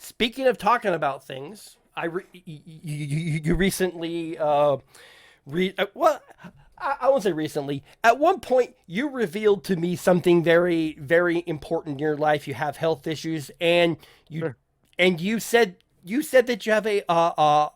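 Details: Stuttering (self-reported) in an adult male podcast host who says people in voice chats kept asking him to repeat himself; speech has word and phrase repetitions.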